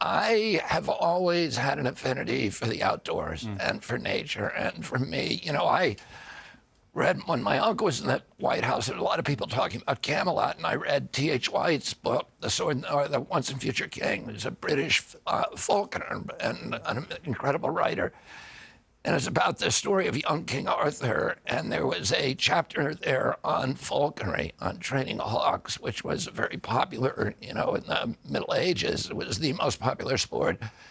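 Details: Adult man with spasmodic dysphonia (which he calls spasmodic dystonia), a neurological disorder that began after a 1996 injury at age 42 and makes his vocal cords tighten constantly; surgery in Kyoto about eight months earlier made his voice more reliable.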